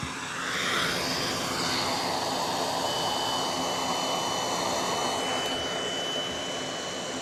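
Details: Bilevel non-invasive positive pressure ventilator (NIPPV) used nightly by a patient with type 2 respiratory failure, nocturnal hypoventilation and sleep apnoea: loud, steady rushing airflow at full force, later a thin high tone as the mask-off alarm sounds.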